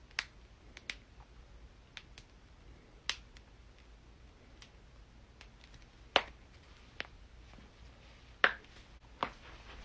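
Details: Joint cracking in a compilation; sharp, separate pops and clicks, several louder than the rest, in a quiet room, joint cracking during manipulation.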